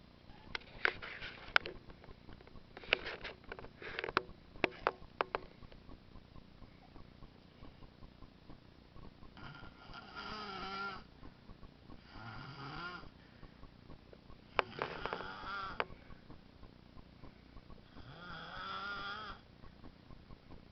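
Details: Sleeping baby snoring: soft, snuffly sniffs, then quiet, squeaky nasal snoring sounds with each breath.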